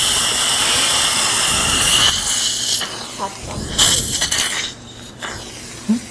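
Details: Steady high-pitched drill whine with suction hiss, stopping and restarting: an implant drill preparing bone in the upper right jaw of a 71-year-old woman with periodontal tooth loss, near fresh extraction sockets.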